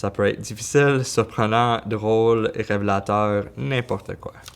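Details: Adult male speaker; typical speech.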